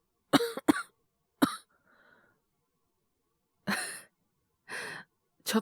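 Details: Acted cough voice drama: young male teacher with a cold and high fever, worsening over two days, coughs as a phone call begins: a double cough, a single cough, then two harsh coughs after a breathy pause.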